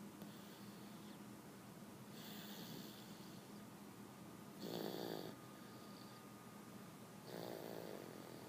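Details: Light snoring: soft, snorting breaths every few seconds over steady room hiss.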